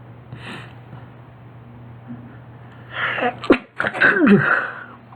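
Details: Skunk sneezing: a quiet room, then a quick run of sharp, snorting sneezes from the small animal.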